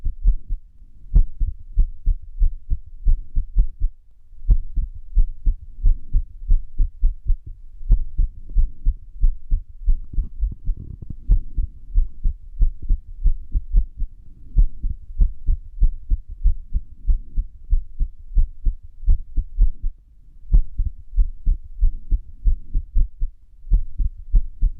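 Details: Irregular heartbeat (arrhythmia): low heart thumps at about 92 beats per minute with uneven spacing, an irregular heart rhythm.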